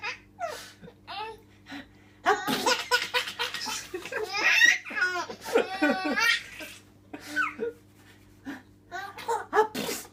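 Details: Sharp, sneeze-like bursts from a father, each followed by his infant son's belly laughter and giggles; sneezing.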